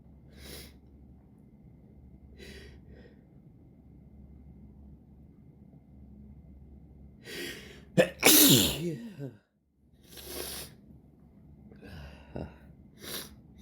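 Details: Adult with a very irritated nose, after several false starts: a few sharp breath catches, then one loud, explosive sneeze with a short gasp and quiet breathing after, in a quiet room.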